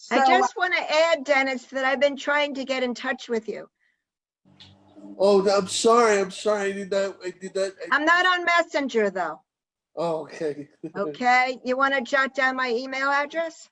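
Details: Adult women talking, likely two speakers in a remote call; normal speech.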